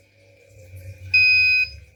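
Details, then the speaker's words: Arduino-based prototype IV infusion alarm, nearly-empty stage: yellow LED on and a single sharp, high electronic beep of about half a second, repeating intermittently. "Dia indikator LED kuning menyala dan tulisan hampir habis, bibnya berjeda."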